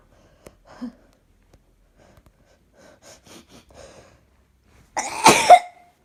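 Soft breaths and a brief wind-up, then one loud, voiced, explosive burst: a single sneeze.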